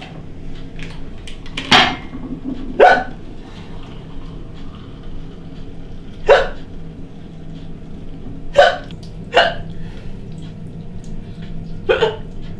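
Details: Woman with a chronic hiccup condition hiccuping during housework: about seven sharp hiccups over twelve seconds at irregular intervals, over steady household background noise; hiccups.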